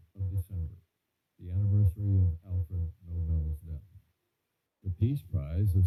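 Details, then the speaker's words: Simulated bilateral moderate/severe sensorineural hearing loss due to otosclerosis: speech passage sounds muffled and straining to follow. Some audibility remains, but clarity is poor, especially on the left side. "so as I said a lot of strain to work out what is being said quiet audibility is um slightly there but there's the problem of clarity on the left side in particular"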